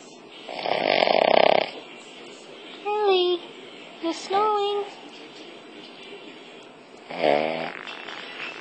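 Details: Pet (a "Cavvy") snoring in sleep: a loud rattling breath noise, then short squeaky tonal sounds and another rough burst over room noise; irregular snoring.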